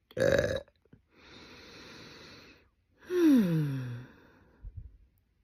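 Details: Two loud, drawn-out belches, the second falling in pitch, with a breath between them; burping.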